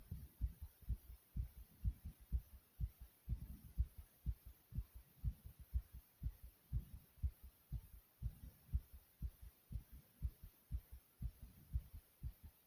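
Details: Fast heartbeat: steady, quick low thumps recorded close up with a soft hum behind; the person describes their own heart as beating fast yet soothing.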